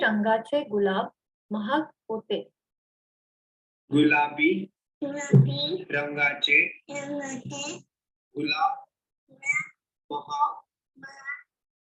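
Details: Child with cleft palate, sentence sample; g, b, ch and c lack precision and clarity; weak pressure consonants.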